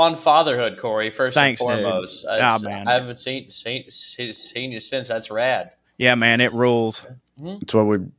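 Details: Adult male comedian who says he has a stutter; stuttering.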